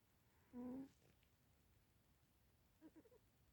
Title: silly one the cat snoring